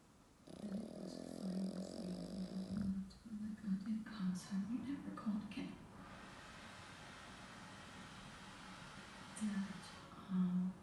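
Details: Irregular grunting, snorting snores from a sleeping pug, with long buzzy breaths and short snorts in a quiet room; snoring.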